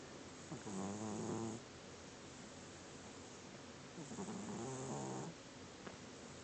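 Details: Two soft, buzzing snores about four seconds apart over background hiss from a sleeping cat.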